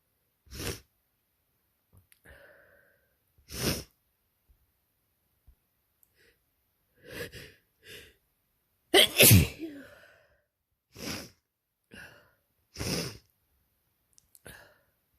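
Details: Adult with spring allergies after window left open for hours: about nine sneezes in quick succession, an allergic sneezing fit.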